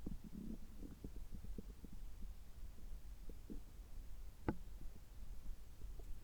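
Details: Bowel sounds from the belly just after a gastroscopy (upper endoscopy) with normal results, while drinking water: faint low gurgles and bubbling pops with one sharper gurgle; ordinary bowel sounds.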